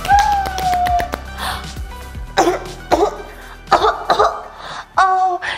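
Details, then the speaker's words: An adult TV host acting out a wet, phlegm-producing cough with harsh coughs and throat clearing over background music, in a program on bronchiectasis; simulated productive cough. "제가 방금 기침을 하고 막 가래에 대해서 막 이렇게 보여드렸는데 기분이 어떠셨나요?"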